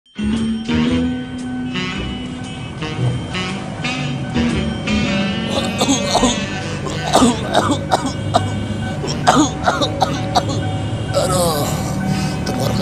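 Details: Several short, sharp acted coughs from an adult over steady background music, staged for a cough-medicine advertisement school assignment; the ad mentions chest pain and shortness of breath: cough.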